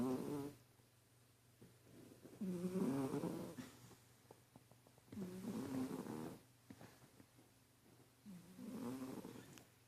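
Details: Soft, rhythmic snoring from a sleeping cat, about 20 breaths a minute, with a fluttering rasp on each breath.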